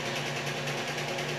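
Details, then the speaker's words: Continuous buzzing motor whine with steady low hum from a tumescent infusion pump driving an even water sheath below 2 cm around the saphenous vein during EVLT varicose vein laser treatment, with the patient reporting no pain. "you can see there's a nice even water she's going down then again when I get down below 2 centimeters you see it being driven down little underneath it"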